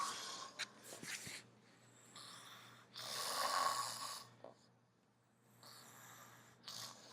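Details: Man asleep, snoring: loud, rough, noisy breaths recur in irregular bursts with quieter gaps; a snorting snore during sleep.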